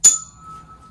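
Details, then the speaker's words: Cranial nerve VIII exam, Weber test: a tuning fork is tapped and placed on the middle of the forehead, and the patient hears it in the middle; a sharp tap, then a steady, pure ringing tone that slowly fades. "so what i'm going to do is tap on the tuning fork again this time i'm placing it in the middle of your forehead and i want you to tell me if you can hear it"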